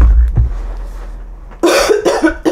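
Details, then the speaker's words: Adult coughing while recording a songwriting video, apologizing that viewers shouldn't hear coughing; a cough. "don't need this I shouldn't be coughing on my video people don't want to hear that it's so nasty"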